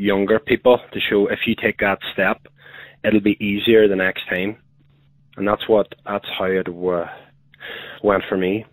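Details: Adult man who has a stammer and uses voluntary stammering to help control his flow; stuttering.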